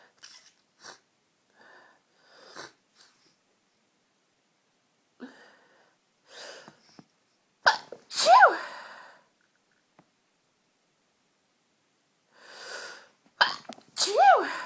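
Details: Strong, tickly sneezes from a cold, all in one fit: bursts of forceful sneezing with sharp inhalations between them in a quiet room; a sneezing fit.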